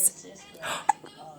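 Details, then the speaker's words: Infant girl with hiccups: a soft breathy sound followed by a single sharp, high little hiccup click. "you got the hiccups do you have the littlest hiccups in the world"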